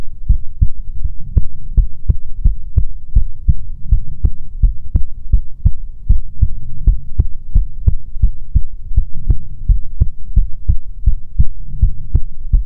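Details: ASMR recording of soothing heartbeats: loud, close, repeated low thuds with a faint steady hum behind them; heartbeat.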